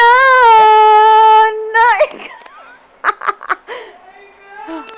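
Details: A baby crying on hearing a song: a long, steady, high-pitched wail, then a few short sobbing cries and whimpers.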